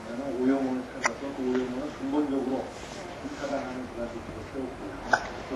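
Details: Two sharp hiccup clicks about four seconds apart over ongoing background talk, from someone who keeps playing happily while hiccuping, recorded June 2005: repeated hiccups.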